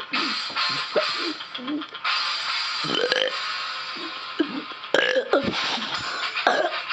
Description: The Burping Master Strikes Again....